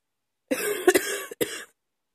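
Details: Night-time coughing at about 2 AM after waking: a short, harsh, partly voiced burst of about three coughs; a brief coughing fit.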